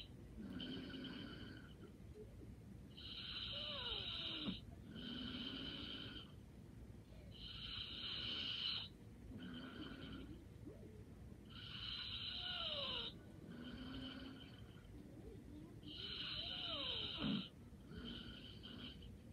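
Soft, regular snoring with a light whistling edge, about 14 breaths a minute, in a quiet room; light snoring in sleep.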